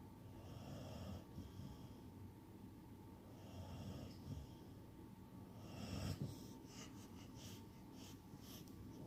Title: snoring